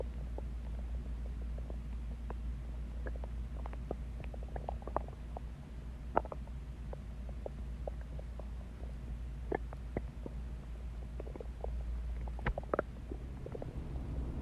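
Scattered gurgles, squeaks and pops over a low rumbling background: stomach growling, the ordinary sound of gas and fluid moving through the gut.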